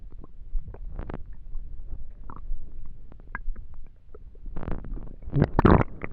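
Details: Hungry stomach: low gurgling and rumbling bowel sounds in bursts; ordinary hunger borborygmi.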